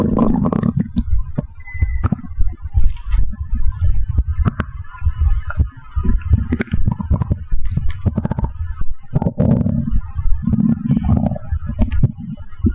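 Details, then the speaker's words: Stomach growling after drinking a can of cola: loud, frequent gurgling and rumbling from the abdomen with bubbly pops throughout; active bowel sounds. "好了，大概已经喝了一罐的可乐了，肚子现在咕咕叫得很"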